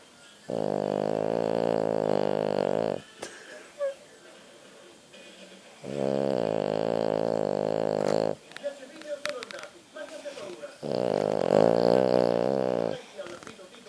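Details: French bulldog snoring: three long, loud, buzzing, vibrating breaths about five seconds apart, with quiet pauses between them; snoring in a flat-faced dog.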